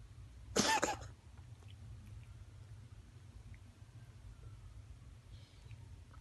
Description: My cat Lola coughing...